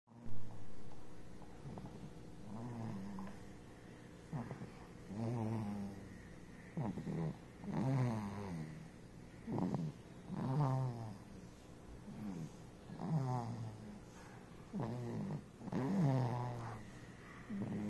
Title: Baby Snoring